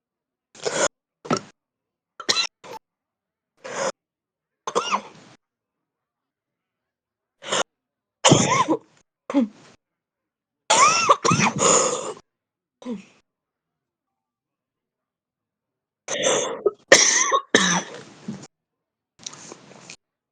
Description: 11 minutes of real heavy smoker's cough. Deep, chesty and intense coughing